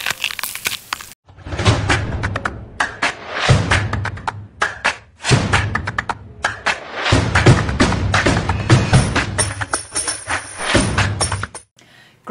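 Amplified rough grinding and irregular clicking thuds from a moving shoulder: painless crepitus, common and generally harmless.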